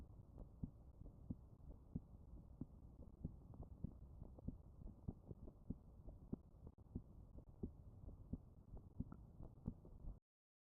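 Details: Heart sounds recorded with a smartphone app while staying still in a quiet place: steady, regular heartbeat thumps at about 90 a minute over a low muffled rumble; normal heart sounds.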